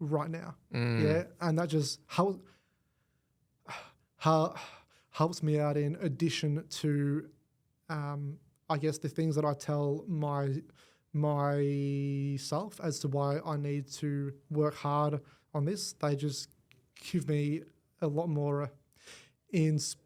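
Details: Adult man born with cerebral palsy affecting his whole left side; stutter described as a symptom of it, first noticed around age five, went away about a year then returned worse; treated with the McGuire Programme; stuttering.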